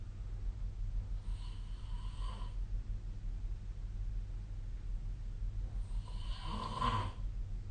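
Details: Snoring during sleep recorded with the SnoreLab app on 2025/05/17: two rasping, rattling snores on inward breaths about four to five seconds apart over a steady low room hum.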